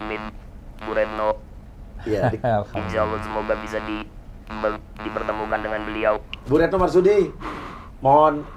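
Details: Electrolarynx speech after total laryngectomy in a male university student whose larynx was crushed by a hanging fibre-optic cable while motorbiking; he breathes permanently through the neck, and the voice is described as flat and robot-like.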